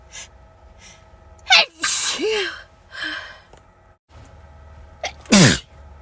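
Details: Hay fever (allergic rhinitis): repeated sharp, forceful sneezes, each preceded by a quick gasping in-breath, with faint sniffs between; the person sneezed constantly all day.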